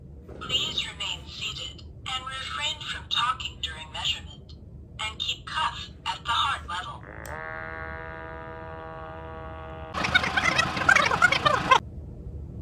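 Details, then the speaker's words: Talking TSAI wrist-cuff automatic blood pressure monitor measuring: voice prompts, motor whine as the cuff inflates, then a burst of noise; it reports 201/134 mmHg, pulse 78, abnormal blood pressure. "it's tightening up on me your blood pressure is systolic 196 millimeter of mercury diastolic 136 millimeter of mercury your pulse was 83"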